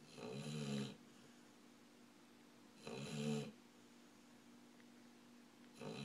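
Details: Heavy snoring from a sleeping dog, Hooch: loud rattling snores about one every three seconds, with quiet gaps and a steady low room hum between.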